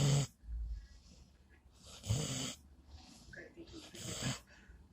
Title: Snores like an old man.